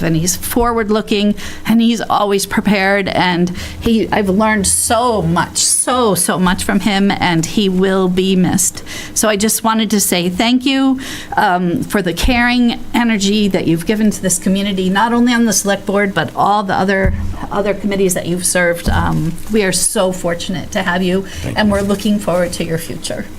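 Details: Adult woman; normal voice.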